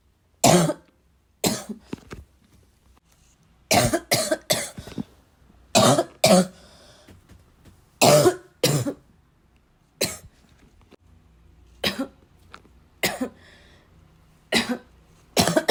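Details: Persistent bad cough in a prolonged coughing fit, described as a little wheezy, a little chesty and barking as always: repeated harsh coughs, often in pairs, with throat clearing and snorts between.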